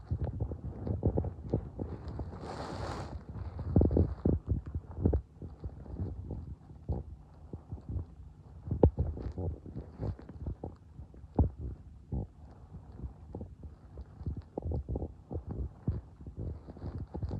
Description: my tum being noisy again you can hear it growling and gurgling in hope that my tum gets my channel better with all of the noise it makes my belly is always making noises and I do enjoy listening to my tum being loud and sometimes I put my hand on my tummy to feel the rumbling